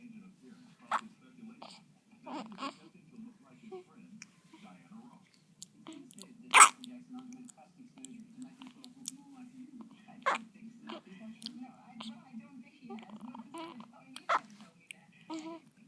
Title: Newborn's squeaky hiccups